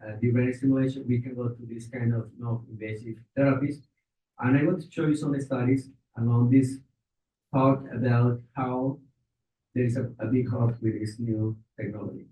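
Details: Adult man speaking; normal speech.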